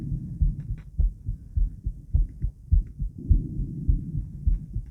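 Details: Woman's heartbeat recorded around 50 squats, with blood pressure taken: regular low thumps at about 100 a minute, slightly fast, consistent with a normal heart raised after exercise.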